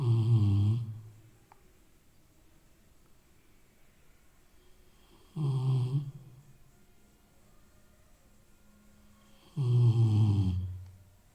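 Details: Rottweiler asleep, snoring like an old man: three deep, rumbling snores about four to five seconds apart, roughly 13 breaths a minute, in a quiet room.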